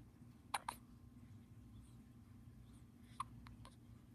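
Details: Brief sharp catches repeating a few times over four seconds in a quiet room; hiccups.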